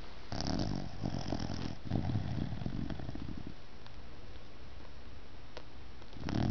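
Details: Six-month-old puppy snoring: low, rattling snore breaths over steady background noise.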